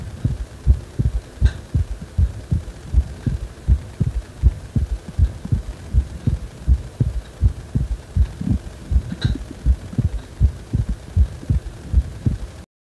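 Steady, regular low thumping heartbeat at about 80 beats a minute, with a faint hum underneath.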